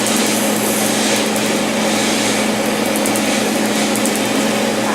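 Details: Steady loud hiss and buzz with a fine rapid crackle from a laser tattoo removal device firing during a session on a darker name tattoo. The patient says these tattoos hurt the most.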